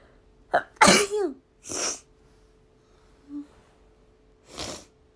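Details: Japanese girl with a runny nose sneezing: sharp sneezes with a voiced 'choo', followed by sniffing and nose blowing, over a faint steady hum.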